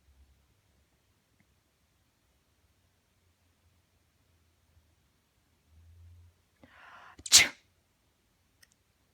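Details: Black female cat grooming herself, meowing in response to the owner's imitated "achoo" sneezes: quiet soft sounds, then one sharp, explosive sneeze.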